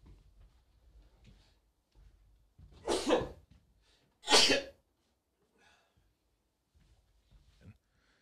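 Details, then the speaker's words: Congested adult man sneezing while talking on air: two forceful sneezes about a second apart, with quiet breathing before and after in a small room. "stop asking God going God give me the assurance I gotta sneeze again hold on just a second let me get a tissue"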